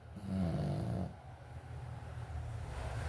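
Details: Mel, asleep and snoring: a low rumbling snore on one breath, then quieter rough breathing.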